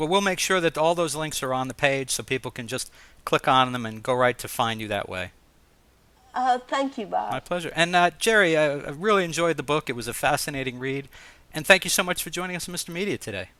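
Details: Adult male host speaking, with a brief reply from a second speaker; typical speech.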